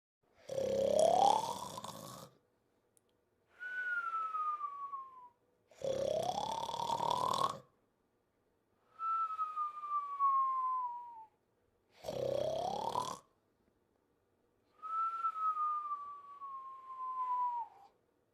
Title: The Pink Panther Snoring and Whistling